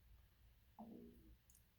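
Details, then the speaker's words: Stomach growling (borborygmi) from an adult speaker, mid-talk: a single low, gurgling, slightly tonal rumble lasting about half a second over quiet room noise. "I'm sorry if you can hear my stomach growling. Oh my gosh. I apologize if that sounded really loud even in here."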